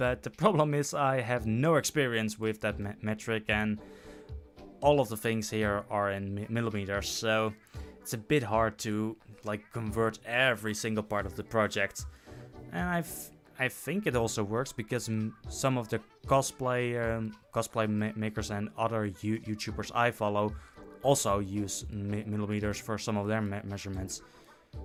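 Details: Adult male who self-reports stuttering, with repeated words and phrases; stuttering.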